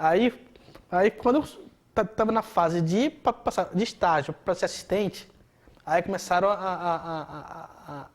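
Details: Adult man speaking Portuguese; stuttering.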